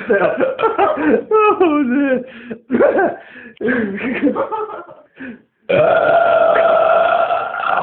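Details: Man burping after kebab and cola: several long, rumbling voiced belches ending in one sustained loud belch, with laughter nearby; ordinary eructation.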